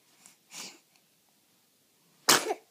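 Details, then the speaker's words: Infant sneezing in a quiet room: a small soft sneeze followed by a sharper, louder sneeze. Two sneezes. "bless you does that feel pretty good did that feel pretty good it did did you like to sneeze"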